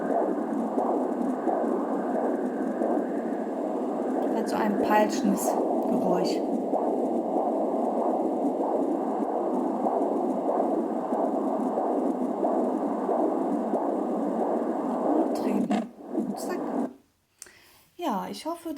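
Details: AngelSounds handheld fetal Doppler, pregnant mother recording herself: steady rushing, pulsing whoosh of umbilical cord blood flow, with thumps from fetal kicks, especially near the end; umbilical cord blood flow on Doppler.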